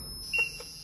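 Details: A professional biphasic manual defibrillator-monitor with built-in multiparameter monitor and adult/pediatric paddles. A short high-pitched beep sounds over a steady device tone, confirming a selected shock energy of 100.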